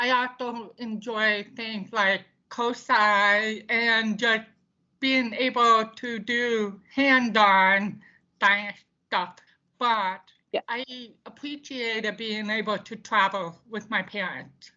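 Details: Deaf speech of a woman deaf since birth, diagnosed at 18 months, bilateral hearing aids until college, now cochlear implants; she reports poor volume control and speaking loudly.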